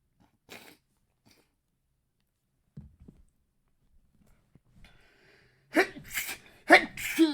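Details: Acted sneezes by a male reader while reading aloud a scene about a peppery, smoky kitchen: quiet room, then a burst of sharp, noisy sneeze releases, a simulated sneezing trope.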